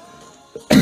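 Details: Sneeze from a K-pop singer of Tempest: a brief catch of breath followed by a sudden loud burst of air, a single sneeze over faint music.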